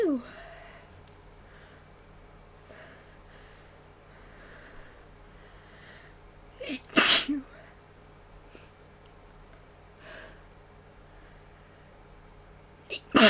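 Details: Person filmed sneezing on request, sneezes possibly self-induced and described as strong: quiet room, a brief lead-in breath, then a sharp explosive sneeze and the start of another: sneezing.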